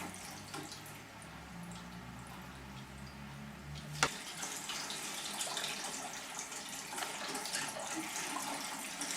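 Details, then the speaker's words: Low hum, then a click and steady gurgling rush of water with small splashes through the tube of a closed gravity colonic irrigation system after abdominal massage, patient feeling full; colonic irrigation water flow. "I feel quite full, like it needs to deflate. Yes. Do you hear that? Yes. Shaking it all loose. And here it comes."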